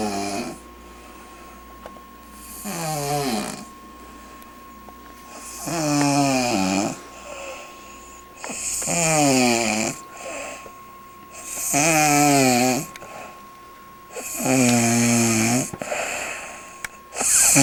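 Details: An adult woman who fell asleep reading a book gives loud, regular, rattling, buzzy snores at about 20 breaths a minute in a quiet room: snoring.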